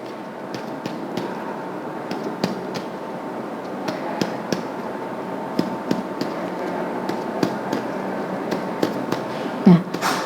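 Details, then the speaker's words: Demonstration of chest percussion down the anterior axillary line to find the lung-stomach border: sharp finger taps whose note shifts from resonant to tympanic, typically at the 8th intercostal space. "kita dapatkan perubahan dari Sonor ke timpani umumnya kita dapatkan ini pada Sela Iga ke-8"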